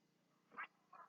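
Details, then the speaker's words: Dog's stomach gurgling (borborygmi), a weird gurgling sound; owner suspects the dog ate grass or got into something. "you can hear that weird gurgling sound that's what it is it's my dog's stomach sounds crazy what did you get into that you had to go eat grass"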